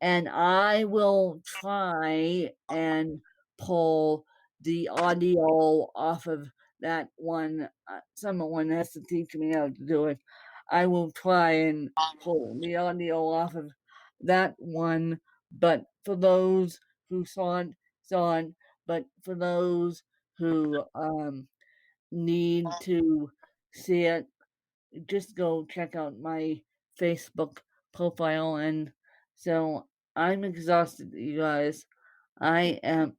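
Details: Dysarthria in a woman born with cerebral palsy (congenital).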